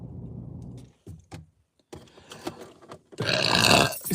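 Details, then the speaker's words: Person burping deeply and uncontrollably, one of a compilation of repeated burps: a low, rumbling, drawn-out belch, then a few brief clicks and a loud rushing burst at the end. "wow oh my God that's the Sprite burp right"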